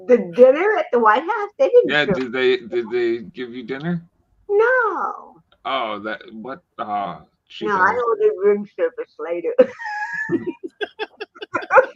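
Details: Adult woman, actress and comedian, born with cerebral palsy in 1956: dysarthria (cerebral palsy).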